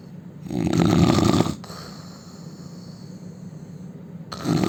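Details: Indian man snoring loudly: a coarse, rattling snore on breathing in, a quieter breath out, then the next snore begins; heavy snoring.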